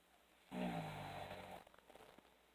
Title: snoring.